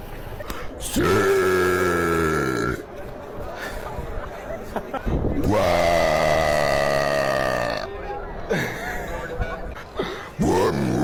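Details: Several long, loud, deep-voiced burps outdoors on a Paris street, with street noise and crowd chatter behind; burping.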